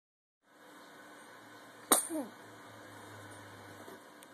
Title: Sneeze and Smiles